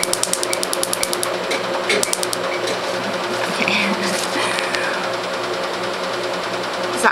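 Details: Rapid trains of sharp snapping clicks with a humming machine: 1064 nm Q-switched laser pulses at a first tattoo-removal session on an old multicoloured tattoo targeting black ink, with ice as analgesic; pain rated about 3/10.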